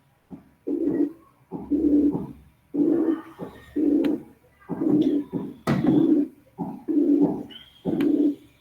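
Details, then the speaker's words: Simulated murmur from a narrow frequency band around 360 Hz with a pure 360 Hz tone superimposed, reinforcing that frequency so the murmur takes on a musical timbre. "pueden ser algo musicales debido al predominio de una frecuencia. Si superpongo la nota pura de 360 de frecuencia sobre la banda congregada alrededor de los 360 ciclos, refuerzo la frecuencia de 360 y el soplo tiende a adquirir un timbre musical."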